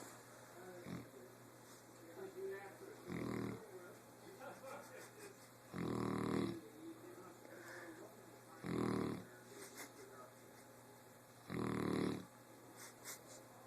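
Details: Real dog snoring: four loud, rough, rattling snores about every three seconds with quiet between; ordinary snoring.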